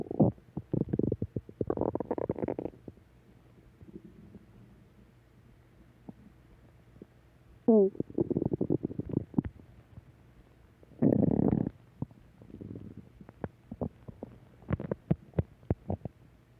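Bursts of gurgling, rumbling and squeaky bowel sounds separated by quiet pauses; ordinary stomach growling from gas and fluid moving through the gut.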